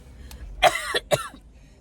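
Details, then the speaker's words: Two short, harsh coughs put on by an adult who is deliberately coughing on family members to get a reaction. The listener complains they are already sick and doesn't want the germs. "I'm already sick and you making it worse you keep on coughing over here you'll be okay I don't want your germs"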